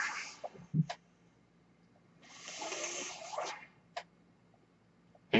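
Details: Mechanical ventilator breath cycle from an adult man's ventilator, heard while he speaks: two rushing, hissing bursts of airflow a couple of seconds apart with soft clicks between them.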